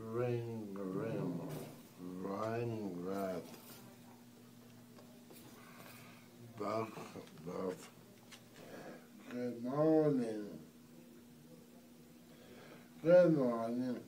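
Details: Patient reading single words aloud and repeating greetings during a speech exercise at a scalp acupuncture rehabilitation clinic; dysarthria.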